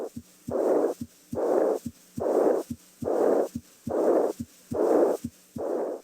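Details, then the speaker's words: Soft, high-pitched blowing decrescendo diastolic murmur of aortic regurgitation, heard with the stethoscope diaphragm at the left second intercostal space down the left sternal border, patient sitting up, leaning forward, breath held after full exhalation; regular rhythm about 70 a minute. "listen at the left second inter space and down the left sternal border to the Apex for the high-pitched soft blowing decrescendo diastolic murmur of aortic regurgitation"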